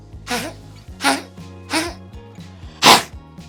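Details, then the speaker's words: A small dog gives four short, dry, hacking coughs, like throat clears, with nothing coming up. The cough is from a tickle as the trachea folds in, typical of tracheal collapse. "When they feel that trachea kind of fold in and get them, it gives them the h like they're going to cough up something but nothing ever comes out or maybe a little spit. But it's because the trachea is folding in, it creates a tickle."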